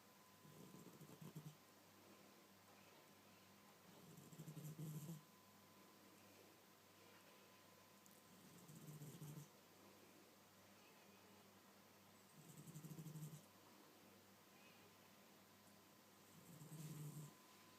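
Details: Blue Persian cat snoring in its sleep: gentle, rhythmic low snores on each breath in, about 15 breaths a minute; ordinary soft snoring.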